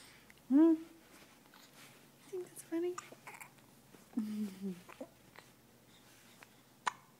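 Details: Infant with hiccups: short, sharp voiced 'hic' sounds repeating every second or two. Ordinary, harmless hiccups.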